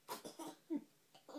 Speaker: There's another hiccup. Daddy hiccup. Daddy hiccup. There's another hiccup. Oh, there's another one. Who's got the hiccups?